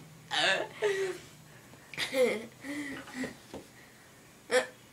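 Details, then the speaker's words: Girl with a bad case of hiccups: several sharp, voiced hiccups at irregular intervals, mixed with brief laughter, in a quiet room. "has the hiccups really bad, and they're funny."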